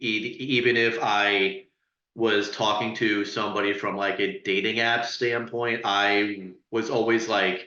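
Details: Adult who stutters, real, speaking as a panelist sharing personal experience in a webinar on dating and stuttering: stuttering.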